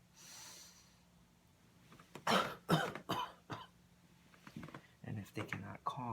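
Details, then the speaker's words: Demonstrated deliberate coughing exercise: patient instructed to cough through the mouth three to four times, heard as three strong open-mouth coughs then softer coughs to clear the airways, taught alongside deep breathing. "now for the coughing we're gonna instruct the patient to link board and cost through their mouth they're about three three to four times"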